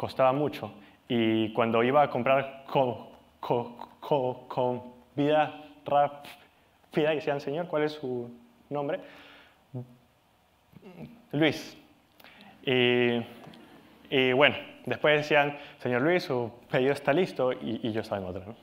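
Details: Adult Peruvian man speaking Spanish who has stuttered since age 4 and still stutters; persistent developmental stuttering.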